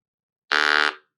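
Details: Electrolarynx buzz: a steady, buzzy mechanical tone of about half a second with no words, from a laryngectomy patient holding the device against the neck with the right hand, arm kept low.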